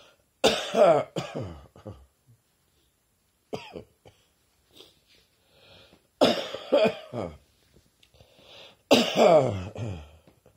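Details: Summer cold coughing again: three bouts of harsh voiced coughing with quieter throat-clearing sounds in between.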